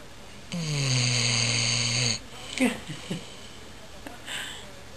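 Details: Awake dog making a long, steady, droning, snort-like breath sound while being called by name, followed by short nasal and throat sniffs and snuffles; snoring-like noisy breathing while awake.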